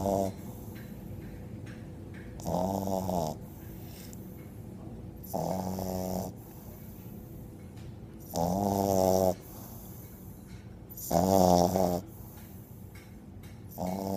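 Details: Loud rattling snores, about four in 14 seconds (roughly 17 a minute), with quiet breathing between and a low background hum; snoring.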